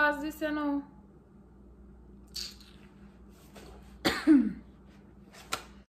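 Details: Person who believes they have coronavirus gives a groaning voiced sound, then a few faint, feeble cough bursts with little force, in a quiet small room; weak, ineffective cough.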